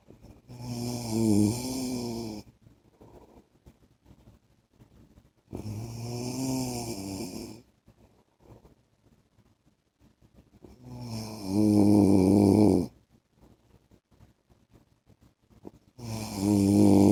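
Loud, rattling snores on breaths in, about every five seconds, with quiet gaps between; some snores rise to a louder, harsher pitch.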